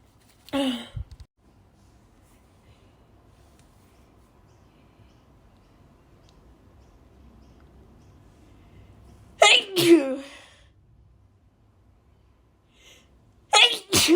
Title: loud harsh dust sneezes (f)